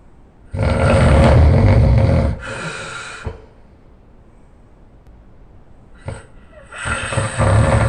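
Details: Very loud, harsh, rattling snores with deep vibrating breaths, separated by quiet pauses; heavy snoring.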